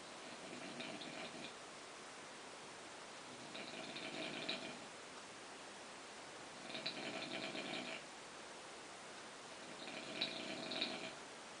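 Four slow, rhythmic rasping breaths about three seconds apart, roughly 20 a minute, with a hissing nasal quality; snoring.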